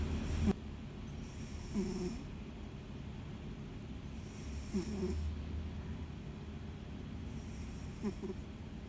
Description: My cat snoring. แมวนอนกรน